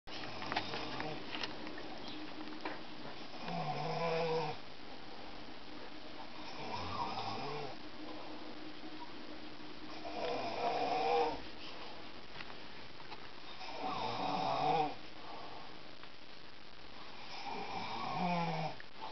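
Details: Man who thinks he doesn't snore, sleeping: rough, rattling snores on each in-breath at about 17 breaths a minute, steady room hum between; ordinary snoring.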